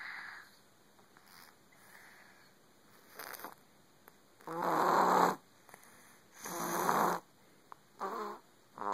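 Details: A cat asleep in its owner's lap makes soft, irregular snoring breaths with some purr-like buzzing; ordinary sleep snoring.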